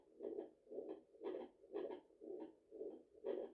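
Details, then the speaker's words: Fetal Doppler at 34 weeks of pregnancy, after a large meal, woman tired: whooshing, somewhat uneven pulsing about 118 beats a minute; she thinks her heart is beating too fast, a fast maternal heartbeat. "Okay, I think my heart was beating a little bit too fast. I don't know why, but I think it was beating a little bit."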